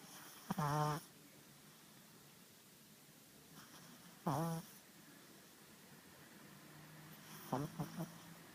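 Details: 4-month-old pug puppy asleep inside a jacket: short, rattling, snorting breath sounds roughly every three to four seconds in a quiet room; snoring.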